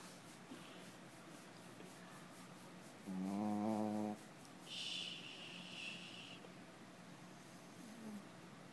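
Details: A single drawn-out, buzzy, voiced snore on inhalation, followed by a softer breathy exhale, over quiet room noise; snoring.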